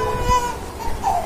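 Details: Brief infant cry over background music from one of twin babies on vaccination day, crying after a vaccine injection.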